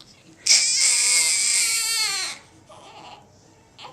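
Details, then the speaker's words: 2-week-old newborn girl crying during chiropractic adjustment while lying out of her preferred feeding position: one long, high-pitched wail, then softer whimpers; the chiropractor suspects a traumatized neck nerve causing extension. "I'm barely touch no she's just fing cuz she's not in her preferred position which is actually connected to a boob that's the preferred"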